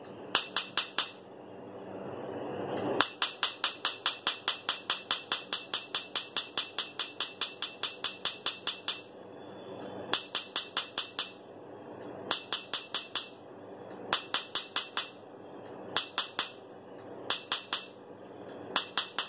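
Rapid sharp snapping clicks in bursts, about 140 a minute, from laser pulses during tattoo removal, over faint room noise.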